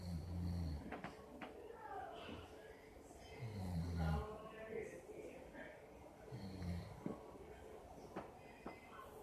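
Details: Man sleeping at a friend's house and snoring: deep, low rumbling snores repeating every couple of seconds, with room noise and some background talk.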